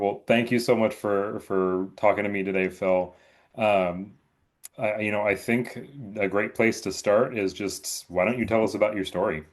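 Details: Adult male interviewer; Normal speech.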